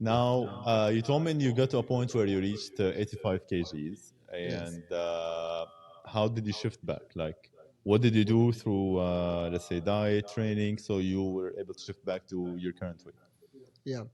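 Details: Adult man speaking English; no speech disorder.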